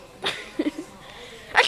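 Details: Ordinary sneezing that makes a baby laugh: a short sneeze burst, the baby's brief laughing sounds, then a second sneeze starting.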